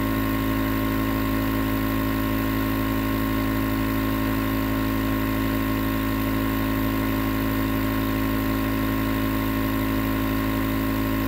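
Steady, continuous mechanical hum with a faint rapid buzz, the sound of a nebulizer compressor running.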